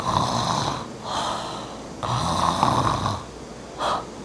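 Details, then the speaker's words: Imitated open-mouth snoring, demonstrating mouth-breathing snoring linked to frequent pharyngitis and laryngitis: loud, rough, rattling breaths repeated in quick succession through the open mouth. "밤에 잠을 자면서 코를 고는 거예요 어떻게 코를 고냐 입을 다물고 이렇게 코를 고는게"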